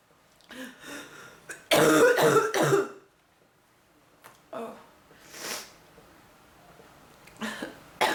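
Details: Adult with bronchitis on medicine and oxygen, which is having a little effect, plus pounding head and back pain: several harsh, rough coughs in a short fit with throat clearing.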